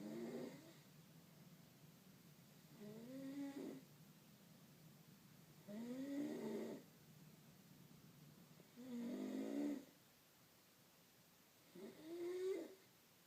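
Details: Adult woman (wife) snoring in sleep: four rattling, pitched snores on the in-breath, about one every three seconds, with quiet pauses between; ordinary snoring.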